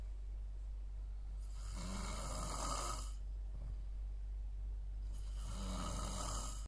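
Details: Very loud heavy snoring, snoring until the throat goes dry: two long rough inspiratory snores over a steady low hum, about every three and a half seconds.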